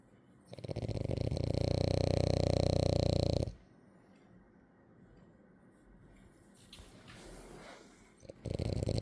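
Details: French bulldog sleeping: loud, deep, rattling snore lasting about three seconds with a fast flutter, then quiet breathing and another snore starting; dog snoring.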